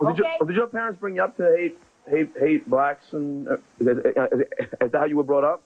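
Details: Stuttering in an adult man who has stuttered since second grade, heard while interviewing someone.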